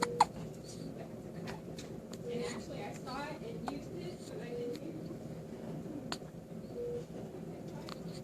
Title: Hiccups Part Three